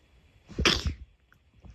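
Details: A single short, sharp sneeze with a faint intake of breath before it.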